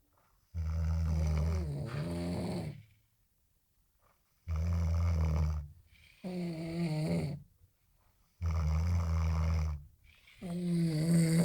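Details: Loud, low rumbling snores in long bursts with quiet gaps, about 15 a minute; heavy snoring from a third-year student, recorded as a snoring competition.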